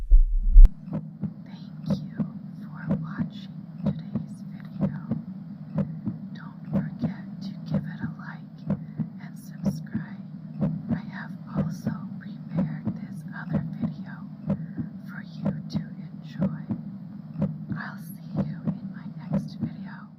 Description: Fun monologues with boy problems...trying out my acting skills and french accent with these fun monologues and my pounding 100 bpm heartbeat.